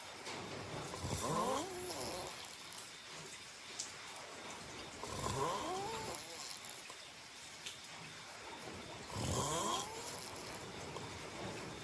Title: Welcome to listen to my snoring to help you fall asleep👍 #snoring